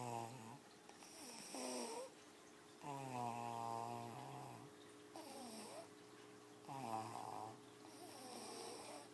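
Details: Someone snoring while being told to wake up: slow, drawn-out breaths with a fluttering, whistling snore over a steady background hum.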